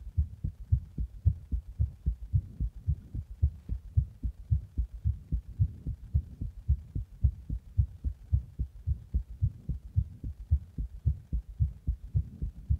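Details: Fast heartbeat after drinking a Monster energy drink in the bath and then compression: a fast, regular, thumping heartbeat at about 110 beats a minute with strong low-pitched beats.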